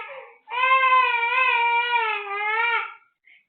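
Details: One sustained, steady, high-pitched wail of about two and a half seconds from a cranky, sick infant with cough, cold, mouth ulcers, teething and fever; infant crying.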